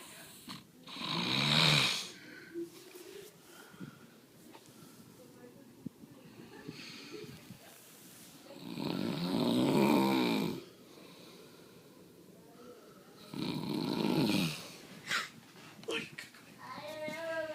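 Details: Three loud, rough, rattling inspiratory snores about every four seconds, roughly 14 breaths a minute, with quiet exhalations between, described as coming from the throat; snoring.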